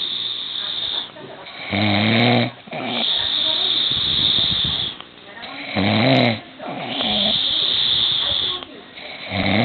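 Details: Man snoring heavily: loud, rough snores on each in-breath with quieter out-breaths between, about 16 breaths a minute.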